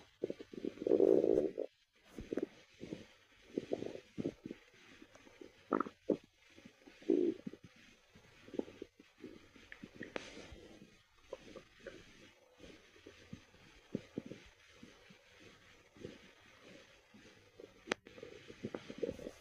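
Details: Gurgling, bubbling rumbles and short squelches heard listening to a person's belly; ordinary stomach growling from normal bowel activity, bowel sounds.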